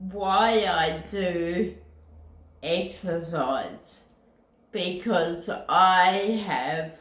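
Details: Ataxic dysarthria in a woman with Friedreich's ataxia who uses a wheelchair; real speech.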